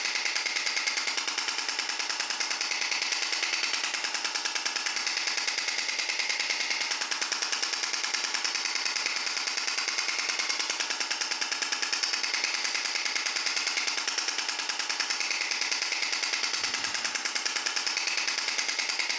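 Steady, rapid mechanical tapping at about 146 pulses a minute, monotonous and unchanging; a shock wave therapy device running normally.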